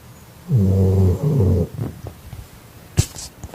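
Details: A sleeping dog gives a loud, low, rumbling snore of two droning pulses in quick succession, followed by quiet breathing; dog snoring.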